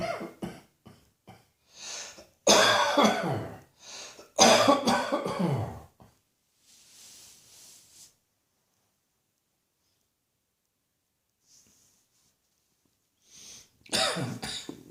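Several harsh coughs in bursts, then breathing and a pause before more coughing; repeated coughing.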